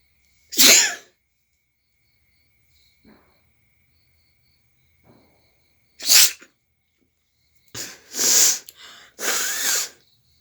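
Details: Repeated sneezing and nose blowing: several sharp, hissing bursts with sneezes and loud nose blowing, separated by quiet pauses.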